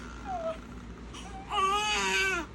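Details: Newborn son, born 8 lb 6 oz after induction with birth complications, cries in the NICU as mom arrives: a soft whimper, then a full, strong, clear cry over quiet room noise.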